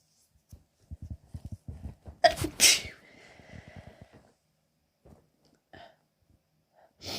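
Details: Female coming down with a cold: rapid catching, hitching breaths build to two sharp sneezes close together, then quiet breathing; a small, hitchy sneezing fit.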